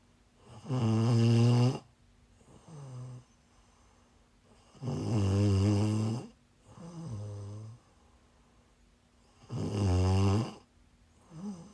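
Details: Adult female snoring while sick, livestreamed: loud, rumbling snores on each breath in, softer on the breath out, about 14 breaths a minute.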